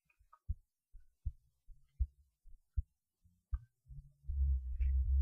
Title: heartbeat while lying on my left side